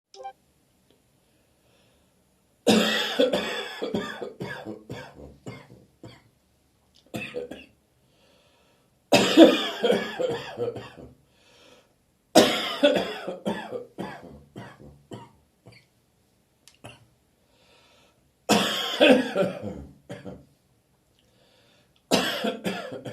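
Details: Repeated bouts of deep, rattly adult coughing with loose, wet quality, pauses and throat clearing on a damp autumn morning: productive (wet) cough.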